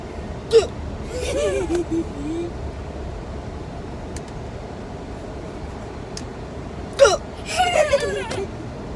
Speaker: I hate having hiccups.